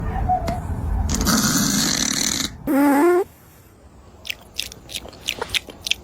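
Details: Sleeping cat: a harsh, noisy snorting breath, then a brief squeaky, whistling breath sound, followed by faint clicking: snoring.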